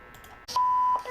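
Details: Zoll X Series defibrillator monitor switched on with the green on button: a single steady electronic beep about half a second long, the startup beep.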